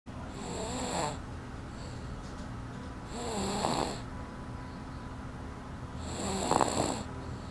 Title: snores